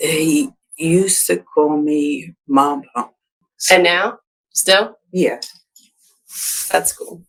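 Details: Woman with expressive aphasia after a December 2022 stroke, in speech therapy; difficulty getting words out; expressive aphasia.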